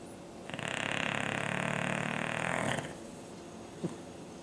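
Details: English Bulldog perched on its pillows on the sofa, snoring like an old man: one long, buzzing, rattling snore of about two seconds, then a short snort.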